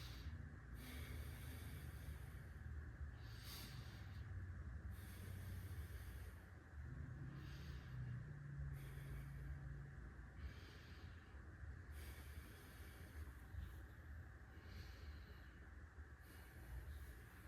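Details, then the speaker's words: Simulated physical assessment of a female patient: steady, repeated deep breaths with an airy in-and-out rhythm; lungs clear without crackles, equal expansion on both sides, normal depth and effort; normal deep breathing. "Her lungs are clear. There are no crackly sounds, and her depth and effort seem fine."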